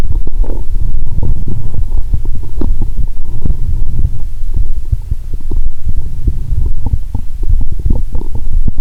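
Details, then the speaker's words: Adult lying down after drinking 1.5 L cola with Mentos, stethoscope on the belly near the navel: loud, irregular low gurgles and rumbling pops almost continuously, a loud moan about every 2.30 seconds; active bowel sounds. "The sound of the stethoscope has almost no cut editing. About once every 2.30 seconds, you will hear a loud moan👂. My stomach is telling me, "Give me good food, not liquids!"🤔😂."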